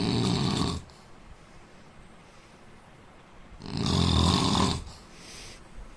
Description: indian man snoring sound asmr soud problem